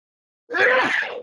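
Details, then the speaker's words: Adult radio talk show host sneezes mid-sentence, pauses, then apologises; a sneeze. "when you hear that sneeze, you get the pause, you can't talk. Sorry about that."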